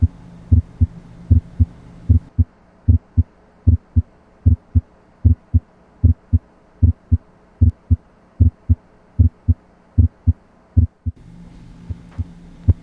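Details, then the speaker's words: Regular lub-dub heart sounds at about 76 beats a minute, auscultated with the stethoscope at the left lower sternal border (tricuspid area) during a cardiovascular physical exam; normal heart sounds. "the best place to identify the tricuspid valve is along the left lower sternal border"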